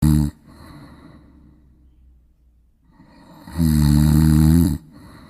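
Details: A big, fat cat snoring: a low, buzzing rattle on each breath in, separated by quiet pauses; an ordinary snore.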